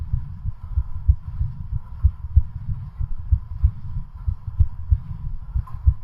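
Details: Rapid heartbeat sounds recorded during a home exercise-bicycle stress test pushed until exhaustion: exercise-induced tachycardia.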